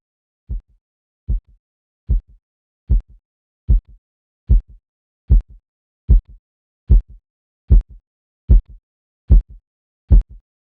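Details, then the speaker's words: Korotkoff phase 1 heard while lowering the mercury column about 2 mmHg per beat: regular tapping, about 75 a minute, faint but clear and growing louder, marking systolic blood pressure. "la fase un está compuesta por sonidos débiles pero claros que van aumentando progresivamente de intensidad"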